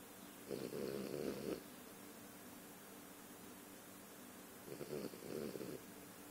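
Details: Snoring from a baby girl.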